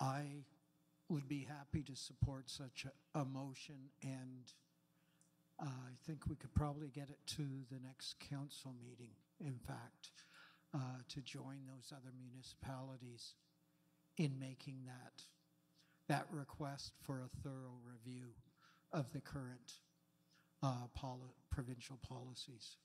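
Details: Adult man speaking; normal voice.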